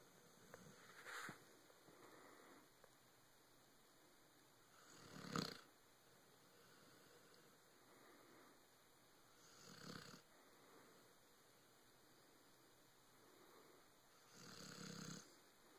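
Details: Dog deeply asleep on a bed, snoring with soft, irregular breaths, about four in fifteen seconds, over steady room hum.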